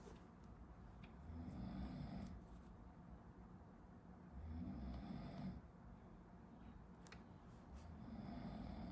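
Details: Person sleeping behind a medical student who is studying, recorded for a study-with-me video: quiet, low snoring in the background of a small room, about three snores in nine seconds, under steady room noise.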